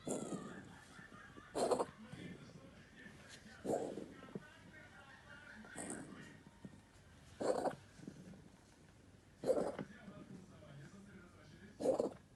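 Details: Cat coughing: six brief, harsh hacking bursts about two seconds apart over low background noise.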